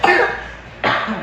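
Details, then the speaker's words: Child in the emergency room with cough and fever, on IV fluids, about to be admitted; the caregiver calls it a persistent dry cough. Two harsh coughs close together that sound loose and wet. "it's still cough this dry cough and coughing most cing most of the time"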